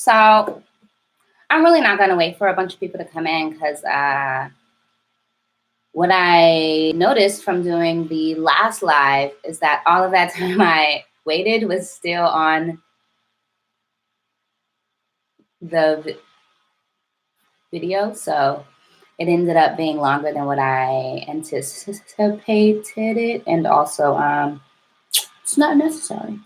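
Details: Adult woman who stutters, with a self-described severe, overt stutter and heavy blocking: stuttering.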